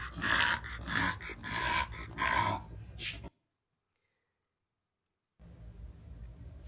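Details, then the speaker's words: Loud, rasping noisy breaths from a brachycephalic female dog asleep minutes after trotting in an exercise stress test: upper airway obstruction revealed only under exercise stress. "minutes later when she's asleep okay now this dog is not normal okay and this isn't because we've stressed her excessively"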